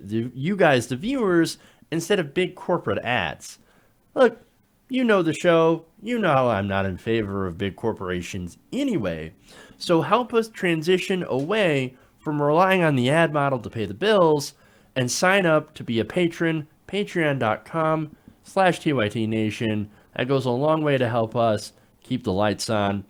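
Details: Adult man speaking; ordinary speech.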